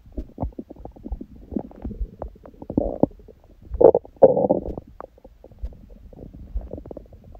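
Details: Bowel sounds from the belly after a large meal eaten after fasting (water only since the previous evening) and after abdominal exercise; frequent gurgles, squeaks and longer bubbling rumbles of active digestion.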